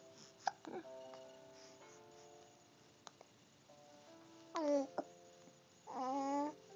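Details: Soft, sharp little catches break up an infant girl's babbling, with music playing in the background: infant hiccups.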